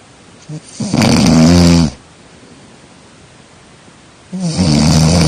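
Loud, low, rattling snores on two breaths, separated by a quiet pause.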